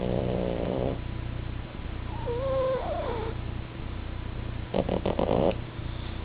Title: pug and frenchbull snoring